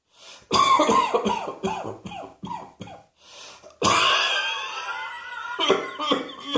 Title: Cross Dressing Coughing 112